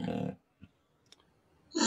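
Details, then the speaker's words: Rough, rattling snore bursts with quiet pauses between breaths from a sleeping male bulldog, recorded at home, unprocessed; snoring. "if anybody's been around them a lot they know they you know they snore all the time so uh here's a recording of my little boy dexter sawing away the other night"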